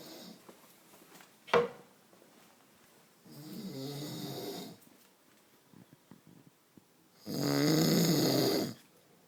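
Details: Two long, rattling snores on the in-breath, a few seconds apart, in a quiet room; snoring.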